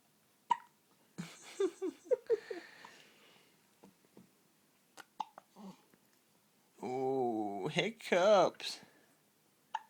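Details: Girl with hiccups: short, sharp, voiced gulps at irregular intervals, mixed with a few vocal sounds and a brief whine.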